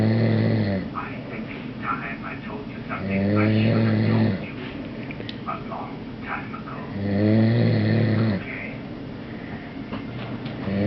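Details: Sleeping person snoring: loud, rough, sawing inspiratory snores at about 16 breaths per minute, with softer breathing and faint room noise between them.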